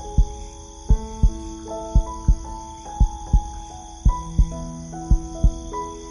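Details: Steady, slow heartbeat of paired low thumps at about 57 beats per minute, over soft piano sleep-relaxation music.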